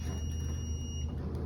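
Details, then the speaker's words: Steady high-pitched tone over a low hum as a Zoll monitor defibrillator charges again during a simulated code blue in ventricular fibrillation, with CPR ongoing and "clear" called before the shock. "we're still in bf we're going to charge again push harder clear"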